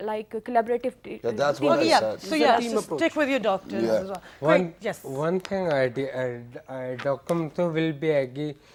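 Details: Adult speaker; normal speech.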